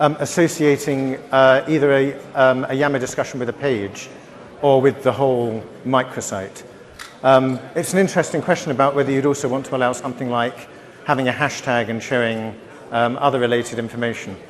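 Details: Adult man speaking; normal voice.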